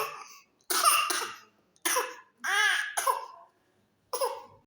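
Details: 3-month-old infant with pertussis (whooping cough): run of harsh coughs with high, strained crowing inspiratory breath between bursts.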